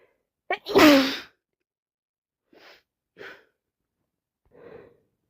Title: Sneeze after sneeze after blow and blow